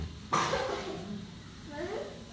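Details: Child with shortness of breath and dry cough: a single sharp, dry cough followed by brief vocal sounds in a quiet room.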